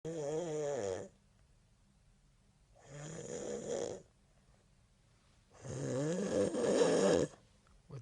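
Three loud, rattling, groaning breaths separated by silent pauses; heavy snoring.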